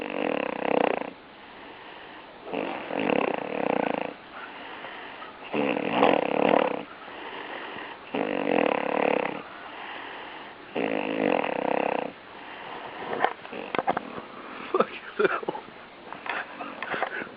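Rhythmic loud rattling snores about every 2.5 seconds, roughly 23 a minute, with quieter breathing between and some clicks near the end.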